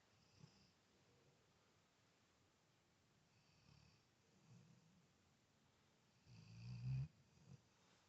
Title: Does your Lab snore?